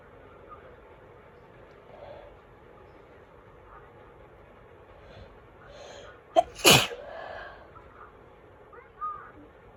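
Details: Quiet room, then a sharp in-breath and one loud explosive sneeze, followed by a soft vocal sound; a single fall sneeze.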